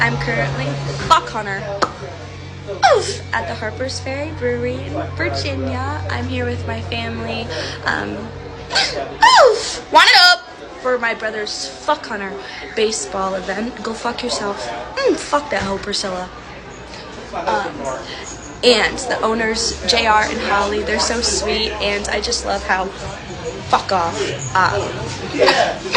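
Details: Person with Tourette syndrome whose speech is interrupted by involuntary swearing and insult tics: Tourette syndrome vocal tics (coprolalia).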